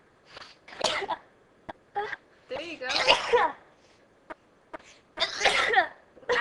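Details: Two young women deliberately sneezing for a video: series of forceful sneeze bursts with short clicks between, mixed with vocal sounds.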